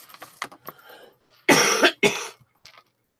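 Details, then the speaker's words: Two sharp cough bursts without rattle or wet mucus sound from an adult with a cough and runny nose, on the first day in nine days of illness that they feel better: a dry cough. "I know I sound so annoying with the cough and the runny nose"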